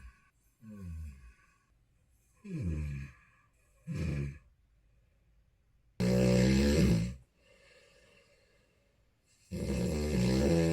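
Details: Snoring recorded for a comparison of before and after CPAP use: loud, rough snoring breaths with grunting and irregular pauses, about 16 a minute.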